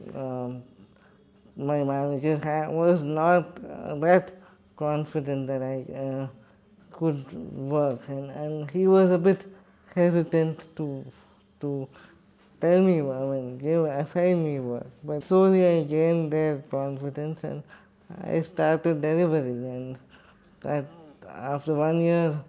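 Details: Adult man with cerebral palsy who describes himself as quadriplegic, speaking in his own voice in an interview; dysarthria (cerebral palsy).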